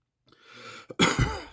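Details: Adult denture wearer, two weeks of a harsh cough after a cruise illness, home COVID tests negative; breathy throat clearing, then one harsh, loose cough burst in a quiet room.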